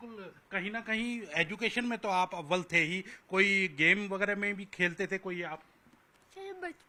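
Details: Adult speaker; typical speech.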